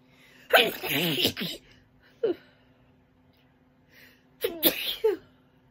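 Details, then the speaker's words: Two loud sneezes with a short catch of breath between, a brief winter sneezing fit after waking, blamed on cold air creeping under the bedroom door as snow began. "There's a couple of sneezes for y'all. It just started snowing today."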